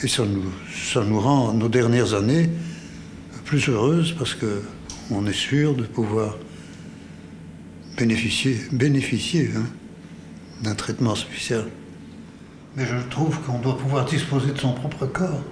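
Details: Man with Parkinson's disease reporting a hoarse, failing voice and loss of balance; hypokinetic dysphonia (Parkinson's disease).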